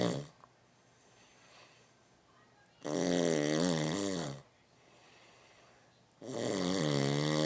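Two long, rumbling snores on breathing in, about 3.5 seconds apart, with quiet between them. Ordinary snoring, roughly 17 breaths a minute.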